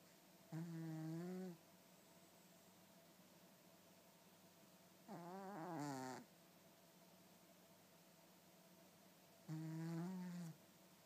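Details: Pet cat snoring: three slow, drawn-out, rough buzzy snores, about 14 a minute, each lasting about a second, with quiet pauses between; the owner says it snores like a horse.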